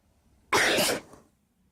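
A single sudden, explosive burst of air lasting about half a second, then quiet; a sneeze.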